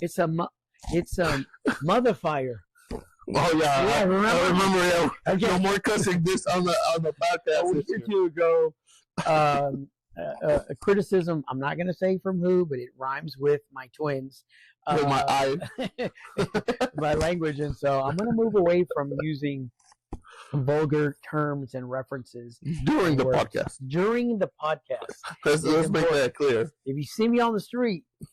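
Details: Adult man with acquired neurogenic stuttering since a stroke: occasional, mainly on words starting with S and R, where the word won't come out; he is in therapy and attending medical appointments for it.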